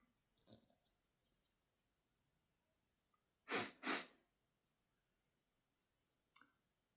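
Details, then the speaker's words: Faint sniff, then two sharp explosive bursts in quick succession (a sneeze-and-cough pair) and a small sniff; a sneeze after snorting chinnkni, with the nose tickle slow to build. "A little bit of a tickle. Feels like it's kind of maybe getting kind of close, but it's really taking its sweet time."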